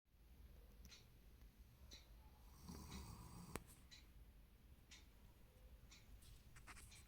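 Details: A sleeping German shepherd gives low, rumbling, rattling breath noise with each breath, with a few soft snorts and clicks: loud snoring.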